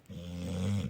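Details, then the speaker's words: A 9-year-old male English bulldog, asleep on a sofa, snores very loudly: a single loud, low, rumbling breath that swells over almost a second. He has difficulty moving around outdoors. "il ronfle hyper fort. Je pense qu'on l'entend dans la vidéo, à mon avis. Voilà, on a un tractopelle à la maison."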